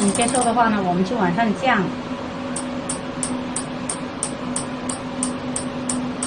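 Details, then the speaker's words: Super inductive system (SIS) electromagnetic physical therapy device, manual mode, on the knee: brief speech, then a steady run of rapid "da-da-da" clicks over a low hum showing it is operating. "按这里能量，先30开始启动。听到这个哒哒哒的声音，就是已经开始在操作了。"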